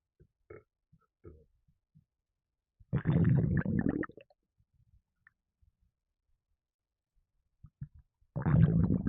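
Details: Gassiness after drinking a can of Red Bull energy drink: two loud, low, croaking burps separated by quiet stomach gurgling; burping.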